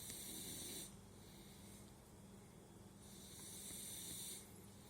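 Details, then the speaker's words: Sleeping puppy lying on its throat, which the owner says is why it snores: two soft, hissing breaths about three seconds apart, a light snore. "Вот почему люди храпят. Они передавливают себе дыхательные пути. Лежит на горле, поэтому храпит."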